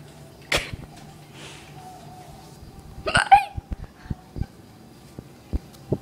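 Sharp, abrupt hiccup sounds, one with a brief voiced catch, between quieter clicks: repeated hiccups.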